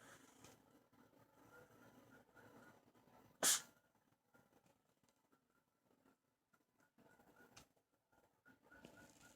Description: My cat sneezing in the morning